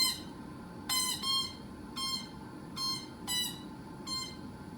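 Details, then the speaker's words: Low-pressure alarm on a ProNox nitrous oxide unit, run by the oxygen; with the oxygen turned off, the tank goes low and the alarm stops at zero: repeated high-pitched electronic beeps, about 30 a minute, irregularly spaced. "And we can see that the tank is going to go low, and as soon as it gets down to the zero, the alarm is going to disappear."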